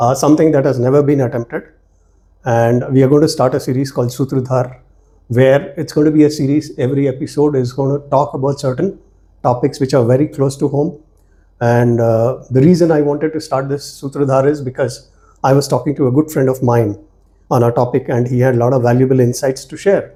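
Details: Adult male speaker; normal speech.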